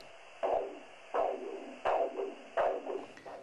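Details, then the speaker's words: Brachial artery Doppler signal during ankle-brachial index measurement for peripheral arterial disease, with the upper-arm cuff inflated until flow ceases: regular whooshing arterial pulses, about 85/min, with a brief second component after each beat; normal arterial signal. "inflate the cuff rapidly until the braak your AR flow ceases no further Doppler signal and continue for about 20 to 30 millim of mercury Above This value"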